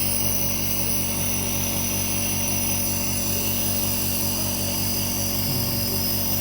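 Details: Steady loud mechanical buzz and whine of a nebulizer compressor running without pause during home mask nebulizer therapy for cough and cold in a 2-year-old child, day 5 of treatment; nebulizer compressor running.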